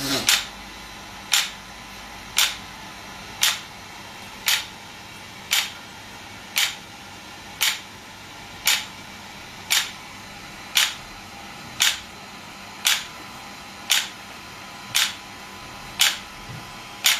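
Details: Shockwave therapy device (SW5S), used for erectile dysfunction and plantar fasciitis, applied with gel while the patient's feet rest on a support: sharp, evenly spaced snapping pulses about 57 a minute.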